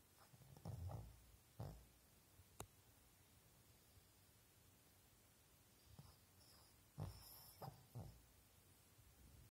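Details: Snoring recorded 17 April 2023 in Dresden: low snorting snores in short groups separated by quiet pauses, from a sleeping animal.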